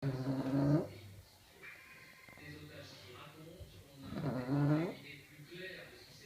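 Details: A pug asleep and snoring: slow, throaty snorting snores with a nasal whistle, two main breaths over six seconds; snoring in a flat-faced dog.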